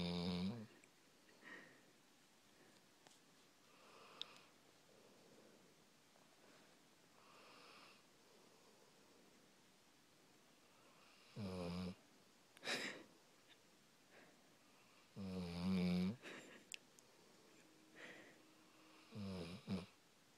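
Quiet room with occasional low, rumbling snorts and snores separated by long pauses; intermittent snoring.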